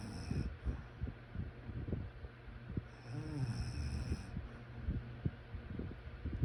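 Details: Low, rough rattling breaths during sleep with a fluttering snore on each inhalation.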